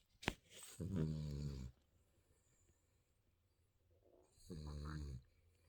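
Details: Infant snoring during sleep: two low, buzzing snores separated by a quiet pause, after a brief knock.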